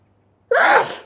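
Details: Sneezing compilation clip: a single sudden, forceful burst of air through nose and mouth after brief silence; an ordinary sneeze.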